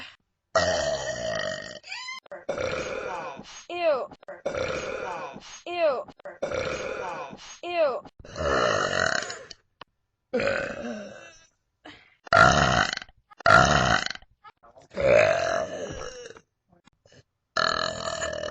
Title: Burps !